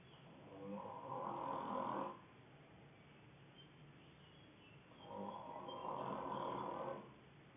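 Two drawn-out, buzzing snores on breaths in, about five seconds apart, with quiet between; ordinary snoring.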